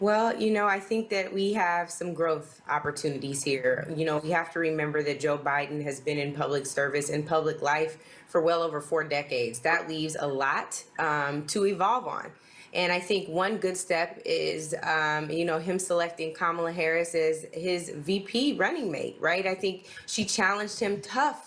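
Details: Adult speaker; normal speech.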